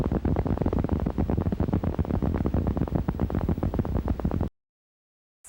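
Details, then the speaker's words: Rapid train of dull, low thudding pops from needle EMG: positive sharp waves. These are a denervation sign, with significance identical to fibrillations. "In essence, the electrphysiological characteristics and clinical significance of positive sharp waves are identical to those of fibrillations. Watch and listen to positive sharp waves."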